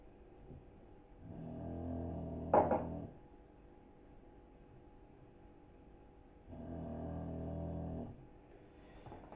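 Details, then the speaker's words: A 9-year-old English bulldog sleeps in the background, giving two long, low, rumbling snores about five seconds apart, with a brief clink between. "if you can hear a load of snoring in the background, that's Butch. And Butch is an English bulldog and he is 9 this year."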